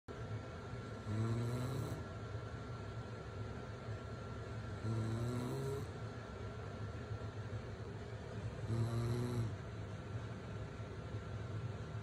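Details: Baby sleeping through his mother's snoring after a day at the beach: three low rumbling snores on inhalation, about 16 a minute, over a steady background hum.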